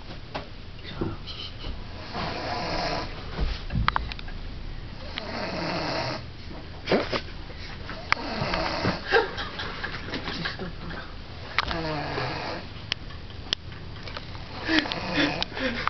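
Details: Rough, rattling snores with each breath over steady room noise, roughly four to five breaths, from a man caught snoring on camera who denies snoring; ordinary snoring.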